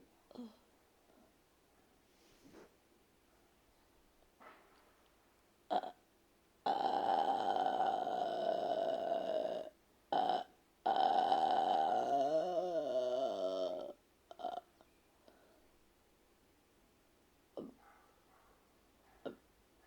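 Long, low, rumbling voiced belches, one drawn out over several seconds, with short clicks and quiet room between.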